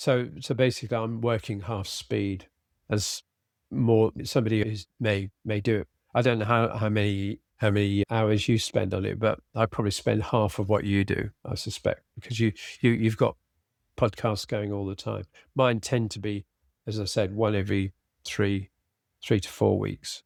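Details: Adult man with aphasia after a sudden stroke, treated with speech therapy and his wife's flashcard practice; he still has word-finding difficulty, cannot read a script and tires as the day goes on. Finding: aphasia.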